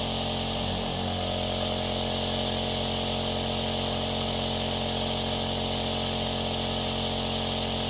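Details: Aerosol nebulizer running: a loud, continuous buzzing hum with a steady hiss, like a gentler hairdryer, played as a baby sleep sound; nebulizer running.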